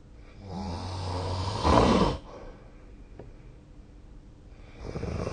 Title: 🐽 いびきの音 / Snoring Sleep Sound 2025/05/19